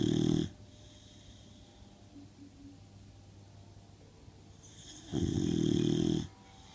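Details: Sleeping dog: loud, rough, rattling snores, each a few seconds long and spaced by quiet pauses; ordinary snoring.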